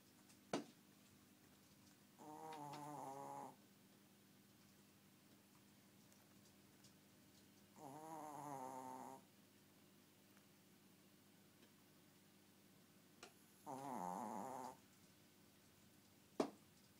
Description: Dobby is 4 years old and really tiny... except for his snoring!